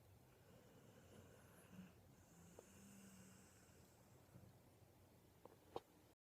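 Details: Ten-year-old Wheaten Terrier sleeping between its owners: soft, low, rough snoring with a few faint clicks in a quiet room.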